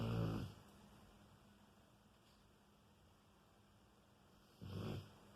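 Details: Raider snoring loudly in sleep: two low, rumbling snores about four seconds apart with quiet room hum between; snoring.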